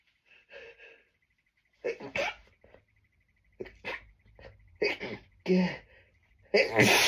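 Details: Strong sneezes during a tree-pollen allergy bout, held back despite being too strong to stifle: several muffled sneezes with quick breaths between, ending in one full, explosive helpless sneeze.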